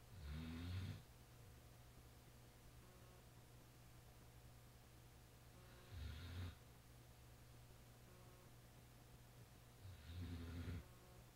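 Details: Snoring while asleep, recorded Nov 12 2010: three low rumbling snores about four to five seconds apart, roughly 13 a minute, over a steady hum.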